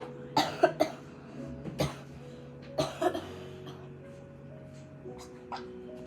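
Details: Several harsh, loose coughs in short bouts over background music, from a person who coughed up blood and passed out: cough with hemoptysis.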